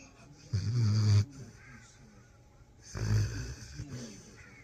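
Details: A sleeping dog having an intense dream gives two low, rumbling snores with quiet breathing between; snoring.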